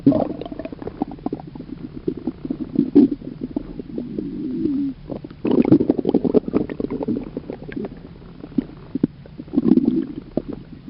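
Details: Stomach rumbling (borborygmi).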